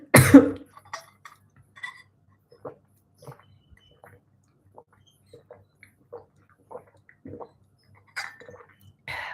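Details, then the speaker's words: An adult talking nearly an hour about books says her throat hurts, then gives a single loud, harsh cough followed by faint mouth and throat sounds, then drinks water. "I've been yapping so much. I don't think I've consistently talked for an hour. Like, my throat hurts."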